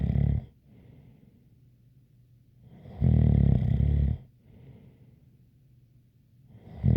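Deep, loud snores on breathing in, with a faint whistle and a softer breath out between them, roughly 18 breaths a minute.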